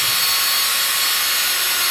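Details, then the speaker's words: Orthopaedic power drill with a CingleBit bit drilling under heavy sideways force: a steady high-pitched grinding whine, without compromising hole geometry. "I actually putting quite hard on the drill bit right now you can see that it's not compromising the whole geometry"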